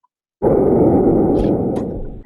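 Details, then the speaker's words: A recorded normal bronchial breath sound, as heard with a stethoscope over the bronchi, played in a lecture: loud, harsh, hollow blowing breaths; bronchial breath sounds. "Now, this is a bronchial sound, bronchial lung sound. That means this is what you would hear over the bronchi whenever you're listening with a stethoscope."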